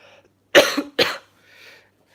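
Two loud, harsh cough bursts in quick succession from an adult with a cold, followed by a faint breath; quiet room.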